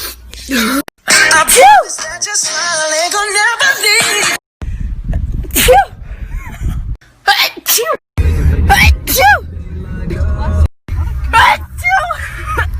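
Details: One person imitating several well-known sneezes: loud, varied simulated sneezes with music underneath; sneezing.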